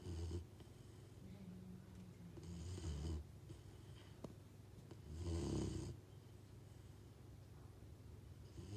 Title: Moos snoring in his bench 😴